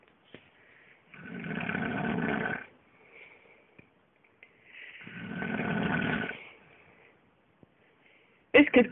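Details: Adult man filmed by his wife while asleep at bedtime: two long, rough, rattling snores on the in-breath with quiet pauses between, in a quiet room; loud snoring.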